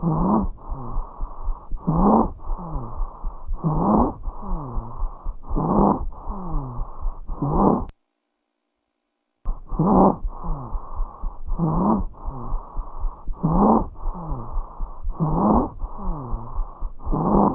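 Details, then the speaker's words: Stridor, a sound that can signal serious airway obstruction such as epiglottitis, a lodged foreign body or laryngeal tumor; in a small child it may follow swallowing a foreign object. "this is why I wanted to talk about Strider also with a small child if they swallowed something and they're obstructing their airway you can hear Strider in a small child -"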